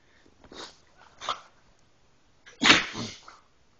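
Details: Two small snorting sneezes, then one louder explosive sneeze from a pit bull; ordinary canine sneezing.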